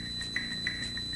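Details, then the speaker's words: Steady high-pitched whistling tones over a low hum, a simulated recording of tinnitus ringing. "ce sifflement aigu que vous entendez est un acouphène"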